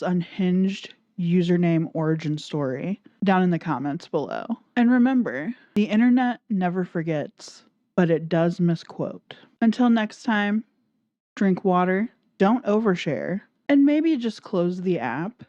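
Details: Adult woman speaking; ordinary speech.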